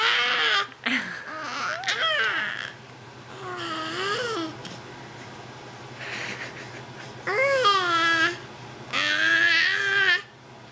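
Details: Infant aged 3 months 3 weeks during tummy time making fussy crying and whining vocal bursts with pauses, mixed with babbling, against a steady room hum.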